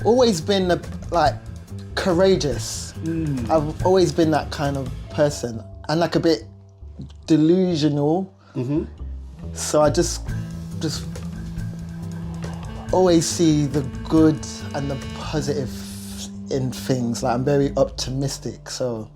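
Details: Stuttering (stammer) in an adult male singer and vocal producer who has lived with it.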